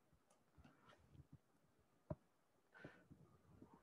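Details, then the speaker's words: Needle EMG on a two-channel Neurosoft machine, healthy relaxed muscle at rest after insertion activity, no spontaneous activity: no fibrillations, fasciculations or positive sharp waves, in a quantitative EMG teaching demonstration. "then we estimate the spontaneous activity and healthy muscle usually it's absent so we don't see any um activity"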